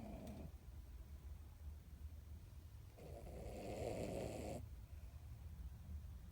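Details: 16-year-old Miniature Dachshund napping after her weekly bath: a low rumbling snore with a longer noisy breath partway through, over a steady low hum in a quiet room; snoring.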